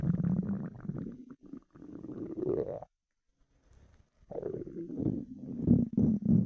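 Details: Loud gurgling, bubbling rumbles from an empty stomach after about 4 hours without food, pausing briefly midway: hunger borborygmi (bowel sounds).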